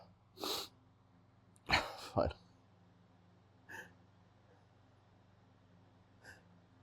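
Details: Adult male, hitchy sneezes: a brief sniff, two close sharp sneeze bursts, then smaller huffs in a quiet room with a low steady hum; repeated sneezing.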